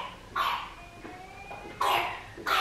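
Three harsh, honking coughs from a dog, typical of kennel cough.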